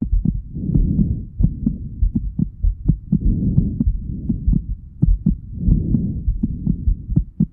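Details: Heartbeat and breathing: steady paired heart thumps about 80 a minute under slow whooshing breaths roughly every two and a half seconds.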